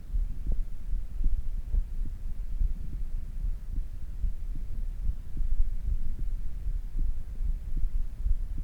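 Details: Human heart sounds after exercise: steady, somewhat quick low heartbeats over a low hum, gradually returning to normal resting rhythm; normal heart sounds.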